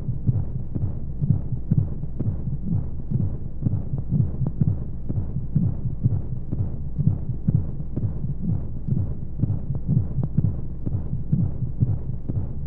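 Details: Womb sound for baby sleep: steady, muffled, low heartbeat thumps at about 60 beats a minute over a soft whooshing rush of white noise and monotonous flowing sounds. Heartbeat.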